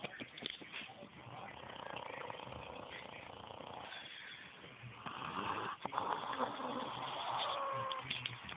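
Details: Snoring like a bear: rough, rumbling breaths with noisy vibration on each breath, some room noise.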